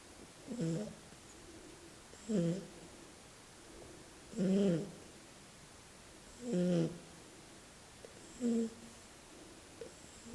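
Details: Sleeping Shar-pei puppy snoring sweetly: soft, regular, brief nasal rumbles on each in-breath, about 29 snores a minute; snoring.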